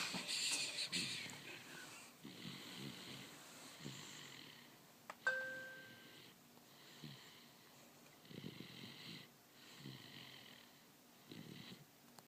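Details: Soft, airy little snores, about 40 a minute, faint against room hiss, during an afternoon nap; light snoring in sleep.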